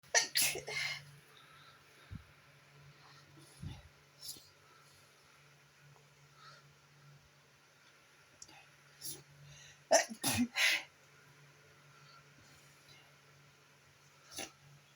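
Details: Repeated morning sneezing attributed to bad allergies: several sharp, explosive sneezes in a quiet room, with a steady low hum behind them.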